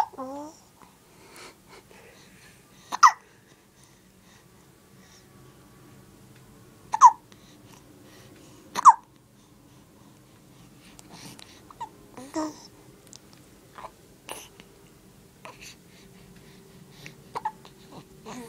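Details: Infant with recurrent hiccups, not distressed, gives three sharp, brief hiccups a few seconds apart with soft babbling and small vocal noises between: infant hiccups.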